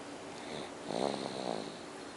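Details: Snoring in a 9-month-old baby boy: one short, rattly, vibrating snore over a steady background hiss.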